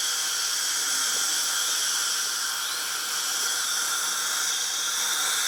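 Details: Dental drill running: a steady high-pitched whining hiss of the spinning drill, unbroken throughout.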